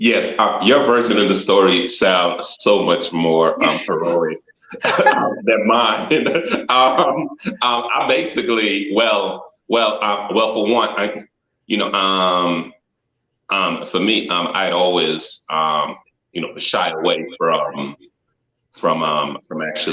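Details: Stuttering in an adult man, noted at his first self-introduction; repetitions of words and frequent "um" fillers.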